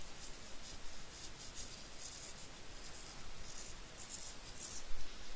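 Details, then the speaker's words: Soft, continuous, scratchy, high-pitched rustling made by rubbing hair together, imitating the pericardial friction rub produced by inflamed pericardial layers rubbing on auscultation. "sometimes you'll also hear a pericardial friction rub it's kind of a scratchy high-pitched sound on auscultation"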